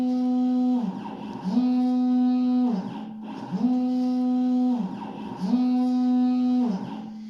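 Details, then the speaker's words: Laser-cut prototype "Ribs Ventilator" for Covid-19, cycling when the user breathes in and creates negative pressure in the tubing; steady motor hum dipping and surging in regular cycles, about 30 a minute. Mechanical ventilator cycling. "Et tout de suite, quand on arrive à une dépression minimale par rapport à la pression atmosphérique, il va commencer son cycle."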